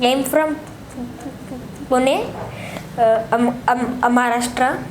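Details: 10-year-old boy with non-fluent speech since childhood, recorded before speech therapy; stammering (stuttering).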